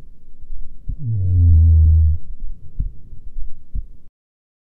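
Dull low heart thumps at a slow resting pace, partly covered by a steady low hum; an ordinary resting heartbeat.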